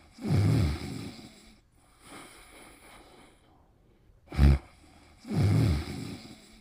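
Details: Pet snoring: two loud, low, rattling snores about five seconds apart, with softer breathing between and a brief sharp snort, roughly twelve breaths a minute.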